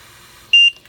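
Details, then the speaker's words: Philips Trilogy home ventilator: single short high-pitched beep after holding the right key for 5 seconds, confirming the settings menu has unlocked; ventilator unlock beep. "To get into your settings, you're going to want to hold down the right key, and it says hold for 5 seconds until it unlocks."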